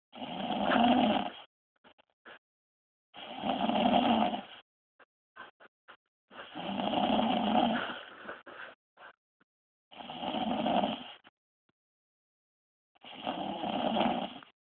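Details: Loud, rough snores from a woman asleep, on each breath in, about five in 15 seconds (roughly 19 breaths a minute), with quiet gaps between.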